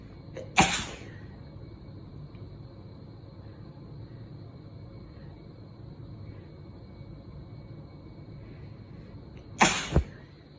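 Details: Two sharp, explosive sneezes about nine seconds apart, the second with a quick follow-on puff, over a low room hum: ordinary sneezing on Christmas Eve.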